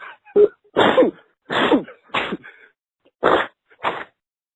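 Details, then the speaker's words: Adult sneezing fit during a podcast recording: a rapid run of about six forceful, noisy sneezes. "I feel like I'm going to sneeze at some point. I'm really sorry if I do."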